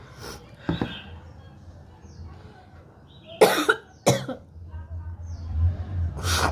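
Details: Woman with a cold, congestion and cough deliberately hawking up phlegm: several harsh coughs and throat-clearing hawks with quiet gaps and faint low background noise; productive cough.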